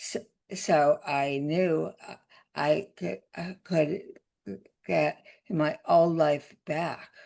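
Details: Adult woman with aphasia after a significant stroke that also caused paralysis; aphasia.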